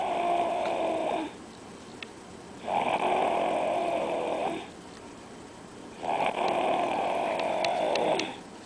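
Three loud, buzzing, tonal snores, each lasting one to two seconds, separated by quiet breathing pauses. A steady snoring rhythm.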